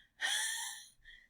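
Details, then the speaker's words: Wheeze imitated by an adult to illustrate constricted bronchioles: a forced, high-pitched whistling breath out, with breathing in described as fine and breathing out as narrowed. "I'm breathing fine but when I go to blow it out it's constricted so it makes this and I had to force that out"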